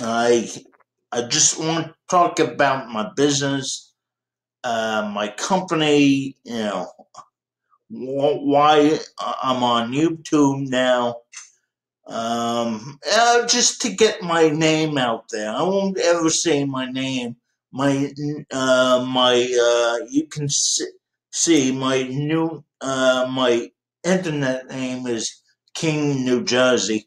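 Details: 51-year-old man with dysarthria due to cerebral palsy present since birth.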